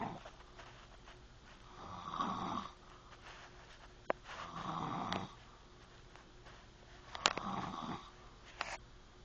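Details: Snoring: soft, rough, fluttering snores at a slow pace, roughly 12 breaths a minute, in a quiet room.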